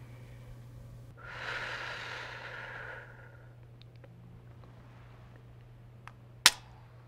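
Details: Patient demonstrating Respimat soft mist inhaler technique in a COPD education session: after twisting, opening and exhaling, a slow, steady two-second breath in through the mouthpiece, then a quiet breath-hold; correct technique.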